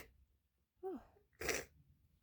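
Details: Single loud, intense, spraying sneeze after a brief rising intake of breath, in a casual talking video; the sneezer is cold, wrapped in a blanket, and says the sneezes hurt.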